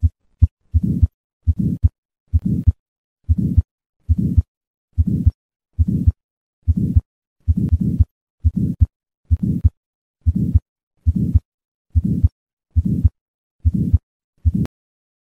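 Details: Innocent murmur: regular heart sounds about 70 a minute with a soft murmur each beat, benign outlook, contrasted with aortic valve sclerosis.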